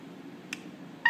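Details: Two short electronic beeps from an SK-500I syringe pump keypad during syringe calibration, over quiet room hum; ordinary button-press feedback.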